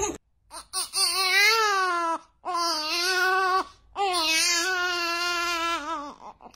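Three long, loud newborn cries separated by brief pauses for breath; a strong, clear cry.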